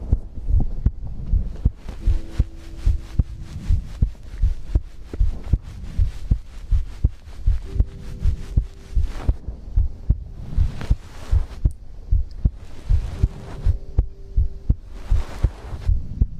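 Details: ASMR recording of heartbeat with breathing, from a livestream compilation: steady low heartbeat thumps at about 77 a minute with a faint hum and occasional breath noise; normal heartbeat.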